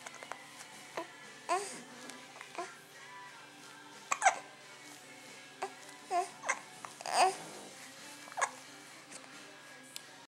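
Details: Happy infant babbling and making happy noises while hiccuping; short, sudden vocal bursts recur every second or so among soft babbling over steady background music; infant hiccups.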